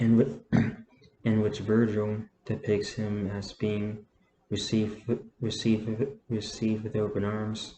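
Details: Adult man who stutters, reading aloud and reporting that he stutters less when reading; stuttering.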